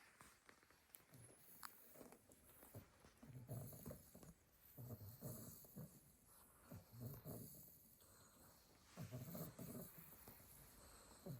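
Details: Litter of 8 sleeping Staffordshire bull terrier puppies: soft, overlapping snuffling snores, irregular in rhythm, with faint room noise; puppy snoring.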